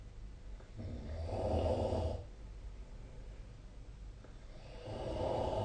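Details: Snoring during sleep recorded on 2025/04/30: two low, rumbling snores on the in-breath with a quiet pause between them, over faint room noise.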